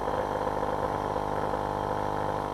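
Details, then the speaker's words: Nebulizer kit demonstration with medication in the cup but the baffle left out: steady compressor hum and buzz with no mist produced, showing the nebulizer running without its baffle. "I'm gonna turn this on just so you can see medications in the cup but the baffle is missing so this is what it's going to look as sound like"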